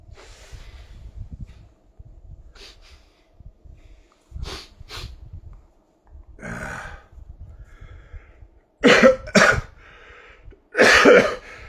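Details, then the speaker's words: Cough from an adult with a runny nose, nosebleed and repeated nose-blowing, who says speaking brings on phlegm and coughing: cough. "တစ်ခါတလည်းအဲ့ဒီလေချောင်းလေးကနေစကားပြောတော့မယ်ဆို ရေချောင်းများလာပြီးချောင်းထိုးလာတာငြိမ်ငြိမ်လည်းနေရင်တော့ရတယ်"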